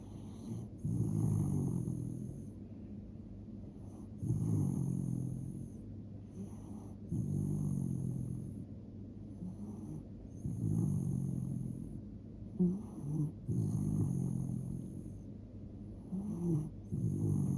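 Steady rhythmic snoring from a sleeping dog, rough low snorts with each breath, about 14 breaths a minute.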